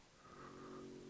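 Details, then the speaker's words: Dog snoring in the background, owner says probably not in deep sleep: one quiet, drawn-out, rattly tonal snore lasting about a second, sounding like a machine; snoring. "that thing in the sound the sound in the back that sounds like some sort of machine it's my dog snoring he tends to snore at the most inappropriate times"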